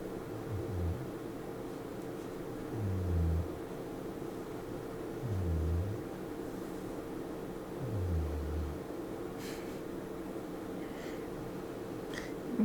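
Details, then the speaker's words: A sleeping pet snoring; low, rumbling snores about every two and a half seconds, near 24 a minute, over a steady room hum; snoring. "can probably hear Aoife snoring even if you couldn't hear Chappie earlier. Aoife's now snoring away."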